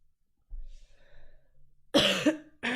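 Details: Cough from a sick adult streamer with a sore throat: a soft breath in, then a sharp, harsh cough followed by a second burst.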